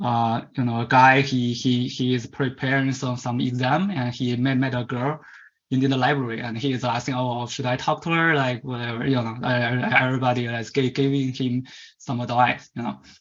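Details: Man from China who stutters and was taken around age 10–11 to a commercial stuttering-fix course, presenting at a stuttering conference; stuttering.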